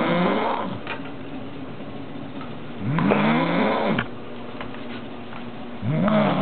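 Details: Woman snoring loudly "like an animal", with regular loud rattling snores on each breath in, about 20 breaths a minute, and quieter breaths out.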